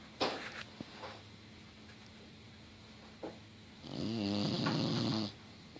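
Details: Fifi, an English Bulldog, crashed out asleep on the couch with tongue out: loud, rattling, snorting snores with short snorts between them.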